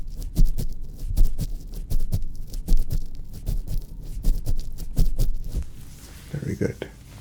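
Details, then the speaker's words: Muffled, regular low heartbeat thumps through a stethoscope, about 78 beats a minute, in a simulated doctor roleplay exam, arms down at the sides: heart sounds. "okay so go ahead and have a listen to your heart so if you will please okay allow me to a quick listen here"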